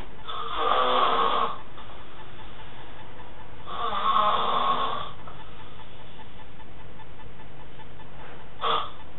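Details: Snoring man, later woken by a syringe of water dropped into his mouth: two long, loud rattling inspiratory snores about three seconds apart, then a brief third one, low room hiss; ordinary snoring.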